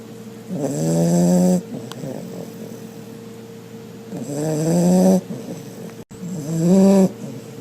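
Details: Three loud, rough, buzzing snores at regular intervals with quiet breathing between, from a Pit Bull; heavy, really loud snoring.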